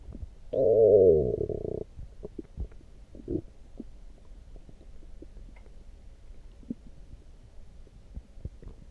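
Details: Stomach growling after drinking coffee: a loud, drawn-out gurgling growl lasting about a second, then scattered faint bubbling clicks in a quiet room (borborygmi).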